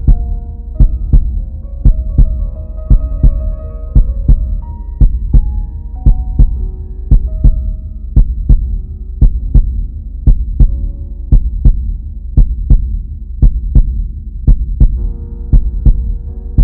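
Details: Normal heartbeat sound effect: steady, regular rhythm at about 57 beats a minute, with soft paired thumps and a low background hum.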